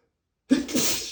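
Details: Silence, then a single sudden explosive spraying sneeze from a male, with a noisy burst of air trailing off.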